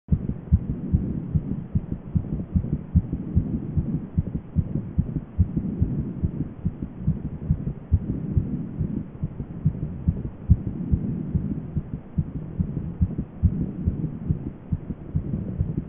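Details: Short self-recorded clip of own heartbeat: rapid, dull thumps at roughly 140 a minute, muffled and somewhat uneven, over low rumbling noise; fast heartbeat.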